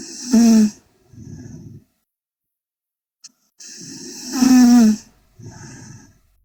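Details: Korean girl asleep: two loud, rough snores on inhaling, each followed by a softer exhale, about ten breaths a minute; loud snoring.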